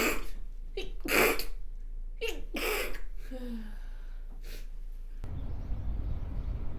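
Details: Acted bout of several rapid, forceful sneezes with brief catch-breaths, portraying a woman with hay fever who can't stop sneezing strangely.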